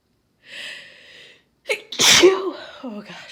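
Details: Induced sneeze in a female recovering from a cold, still congested and stuffed up, after taking chhinkni: an indrawn breath, then one forceful explosive sneeze with a short voiced tail.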